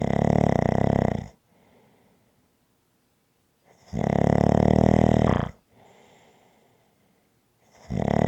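Loud, rattling snores about every four seconds, roughly 15 breaths a minute, with quiet breathing between them.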